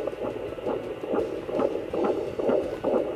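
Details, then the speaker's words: Fetal heartbeat of a baby boy heard on a handheld baby Doppler with transmission gel: rapid regular whooshing pulses about 130 per minute; mother notes the device's displayed heart rate is wrong. "the only thing that I don't like about the baby doppler is the heart rate is wrong"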